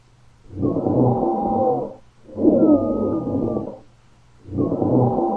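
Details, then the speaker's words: Paramedic respiratory lecture example: repeated breaths carry a coarse, rumbling, popping noise, named as rales. Crackles (rales). "Can y'all hear that? Just the rumbling, popping kind of noise. That would be rails."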